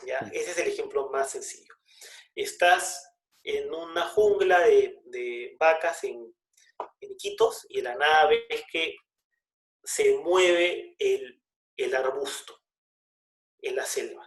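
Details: Adult man who stutters, speaking Spanish in a conversation about using pauses in stuttering; part-word repetitions; stuttering.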